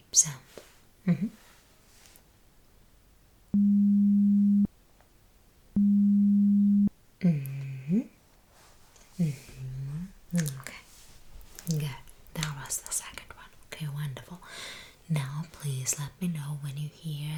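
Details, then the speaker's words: Simulated pure-tone audiometry beeps in an ASMR ear-exam roleplay hearing test, task to signal the second beep: two steady low beep tones, then soft whispering and humming-like voice sounds. "Um please let me know when you hear the second beep sound."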